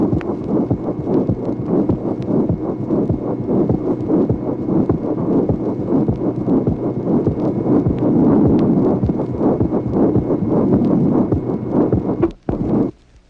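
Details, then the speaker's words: Vintage 1966 teaching recording of heart auscultation, tracing 25: pericardial friction rub of distinctive scratchy, grating timbre heard in both systole and diastole, recurring rapidly and irregularly. "Tracé numéro 25. Frottement péricardique. Ce frottement, de timbre particulier, s'entend en systole et en diastole."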